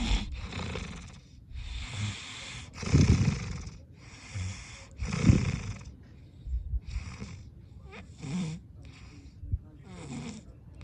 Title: Sounds to snore